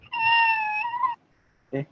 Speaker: Can you hear the baby crying? Yes. Okay. So it is just like cat meow.